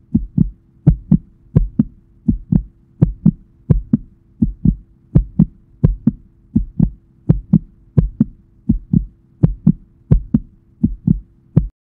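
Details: Steady, regular heartbeat of a female at about 84 beats a minute, each beat a clear lub-dub pair; normal heartbeat.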